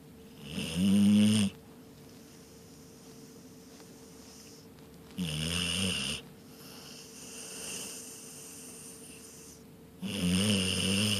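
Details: Snoring during sleep: loud, buzzing snores on each in-breath, about three in eleven seconds, with faint room hum.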